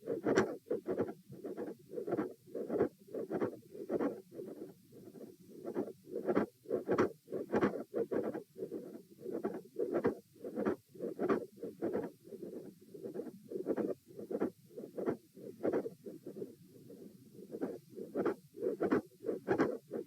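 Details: Heart auscultation stress test repeated for consistency at position A, with the subject lying, then sitting, standing and lying again. Regular heart sounds with a mid-systolic click and a fixed split S2.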